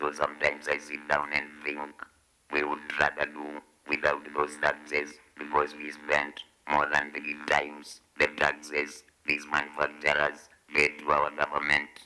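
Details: 69-year-old man, a throat cancer survivor after 25 years of cigarette smoking, whose voice was removed by laryngectomy; he speaks with an electrolarynx held to the throat and cannot talk without it (electrolarynx speech).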